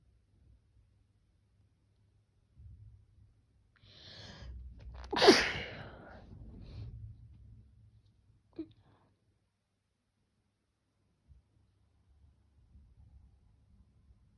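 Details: A sharp inhaled build-up into one loud explosive sneeze, followed by quieter sniffling and breathing noises.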